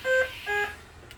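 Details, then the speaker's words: Two quick electronic alarm tones, a higher beep then a lower one, in a quiet room: a BiPAP low minute volume (low VE/tidal volume) alarm escalating because the low minute volume persists. "Low minute volume. And if it still maintains a low minute volume, it's going to escalate."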